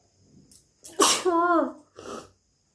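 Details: A deliberately induced sneeze: a quick inhaled build-up, then a single forceful voiced sneeze with a short trailing breath.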